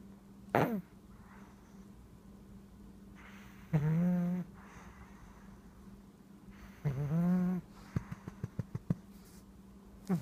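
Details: Siamese male cat, a very deep sleeper, snoring with two drawn-out, buzzy, vibrating snores and a brief snort, over a steady low room hum; snoring.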